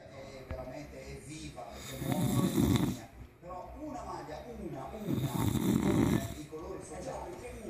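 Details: Man snoring like a pig: loud, rough, rattling inspiratory snores, two cycles, with a quieter snorting sound between them.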